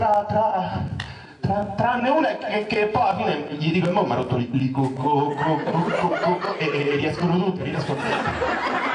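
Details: Acted stuttering by a performer in an Italian comedy cabaret sketch about a stutterer's jobs, with repeated sounds and syllables.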